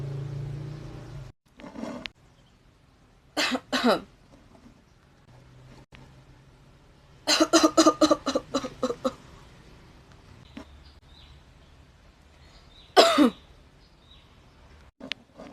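Acted coughs in varied styles: single bursts, a double cough and a long rapid run, separated by quiet pauses.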